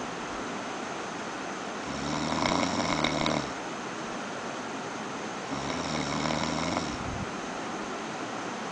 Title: my friend's snoring